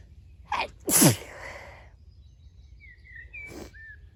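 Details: An outdoor sneezing session among flowers: a quick in-breath then one loud, explosive sneeze, one of repeated sneezes, with birdsong faintly behind.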